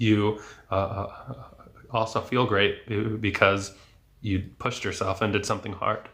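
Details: Adult male speech-language pathologist who has stuttered since age 8, with speech therapy until his 20s from about a dozen therapists; stuttering.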